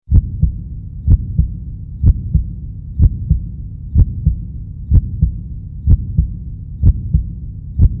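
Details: Simulated normal heartbeat of the cartoon pony Starlight Glimmer, with lungs: a steady, regular lub-dub at about 62 beats a minute.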